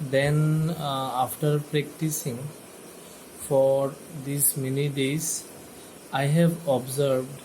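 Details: Person who stammers, after about 30 days to over a month of a stammering video course, reporting clearer sounds and slower speaking; stuttering.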